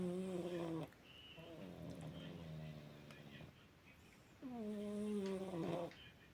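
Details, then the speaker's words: Sleeping adult male cat snoring loudly enough to hear throughout the house; tonal, drawn-out snores on the breath with quieter breathing between, snoring. "Мирон Сладко спит храпко на без дом свой и голова вниз"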